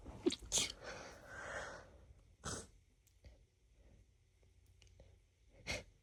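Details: Woman sneezing from cat allergy after her roommate got a cat: a run of sharp sneezes with breathy intakes between them, allergic sneezing.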